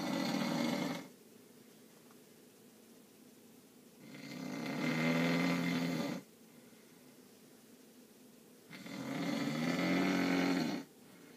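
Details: Snoring.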